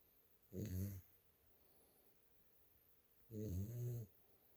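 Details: Sleeping dog snoring in a quiet room: two low, rumbling snores about three seconds apart, each with a short fluttery buzz.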